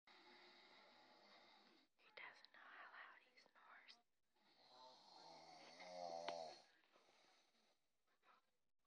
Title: Loud snore!!!